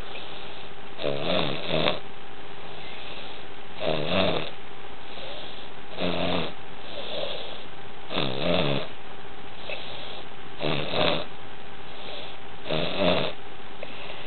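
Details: Child snoring: regular rattling, fluttering snores on each breath, about 25 a minute, over a steady background hum.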